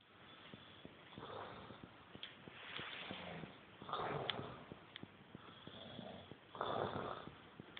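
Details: Soft, irregular snoring and snorting breaths, about 22 a minute, with faint clicking in a quiet room.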